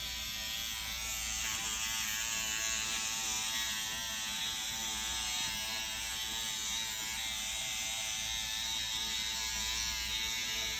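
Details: Steady high-pitched, shaver-like electric buzz of a SkinPen microneedling pen running continuously on an adult's facial skin during microneedling with PRP, after Venus Viva radiofrequency, with ProNox for pain; microneedling pen in operation.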